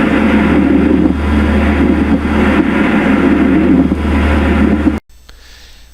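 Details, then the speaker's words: Pleural friction rub, typically most audible over the inferolateral and posterior chest: coarse, creaking, grating sounds likened to a wooden ox-cart wheel turning. "vezes eu comparo o ruído do atrito pleural H um carro de boi aquele aquela coisa antiga do Carro de Boi em que aquela roda de madeira Range conforme ela vai se movimentando"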